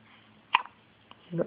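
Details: Baby boy with hiccups: a brief, sharp catch of breath, then a fainter second one, over quiet room noise; hiccups.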